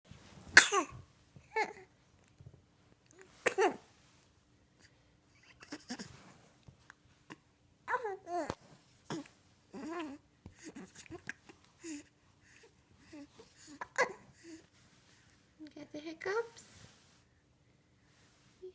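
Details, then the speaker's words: Infant boy with hiccups: short, sharp, repeated catches with soft baby vocal sounds between them. "You got the hiccups? Yeah."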